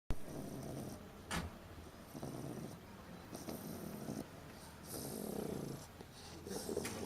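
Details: A puppy, asleep in her car crate after a long day at puppy class, snoring softly: steady rumbling snores on each breath in and out, with light breathy noise between them.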